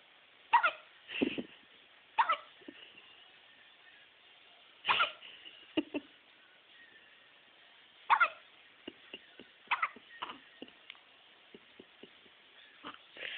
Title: gets the hiccups